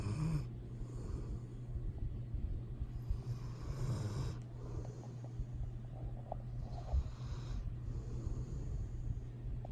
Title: Snoring Pitbull Buddy the cutest dog in the world